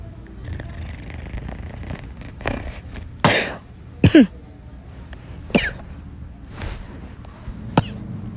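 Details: A sleeping infant gives several short, sharp coughs amid quiet background room noise.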